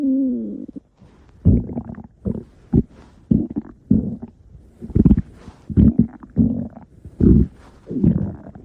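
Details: Stomach growling: repeated low gurgling and rumbling bursts from the belly as gas and fluid move through the gut, borborygmi.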